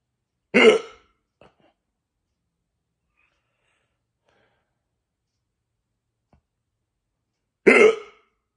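Two abrupt, voiced gulping hics about seven seconds apart, with silence between: hiccups.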